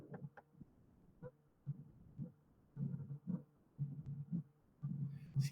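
Simulated heart with a low diastolic rumble building just before the first sound, typical of mitral stenosis.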